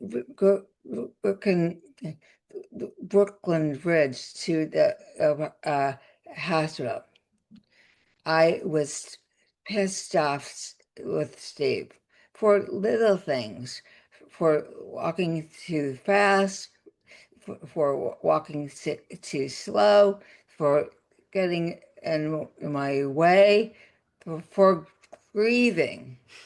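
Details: Adult woman with aphasia after a significant stroke that also caused paralysis, speaking in conversation; aphasia.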